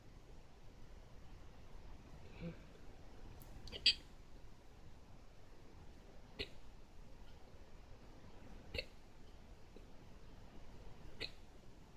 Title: hiccups fast 2